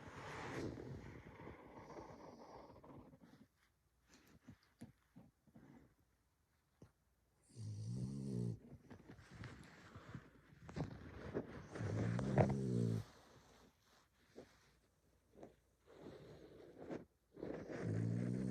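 Loud, rattling snores in bursts a few seconds apart with quiet breathing between, typical of a flat-faced dog's snoring.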